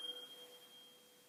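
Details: Tuning fork tone for the Weber test during a head-to-toe assessment demonstration.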